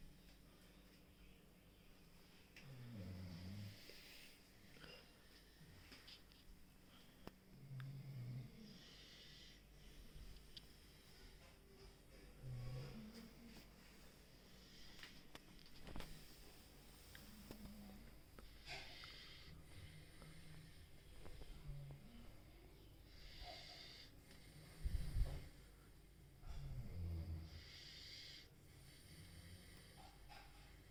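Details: Beagle sleeping at home with family, snoring: soft, irregular low snores and snorts against quiet room noise.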